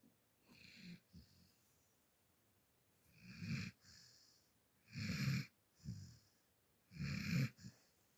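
Irregular low rattling snores with snorting breaths, a few each few seconds, about 29 a minute: snoring.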